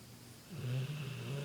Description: My bullmastiff princess snoring